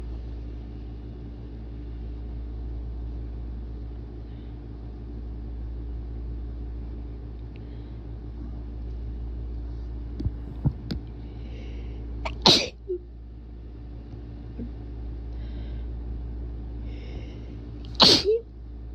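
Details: Induced sneezes from a person sick for a week with bad allergies, described as strong and wet, leaving them dizzy: two sharp, forceful, wet bursts over steady vehicle rumble.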